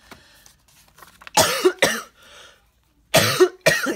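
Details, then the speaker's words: Adult with a cough lingering for a couple of months; antibiotics were given just in case and nothing was found wrong, and talking a lot makes the cough worse. Two pairs of short, harsh coughs: persistent post-viral cough. "now the cough won't go away it's been like this for a couple of months and my doctor even gave me me some um antibiotics just in case and there was nothing wrong with me I just can't get rid of the cough"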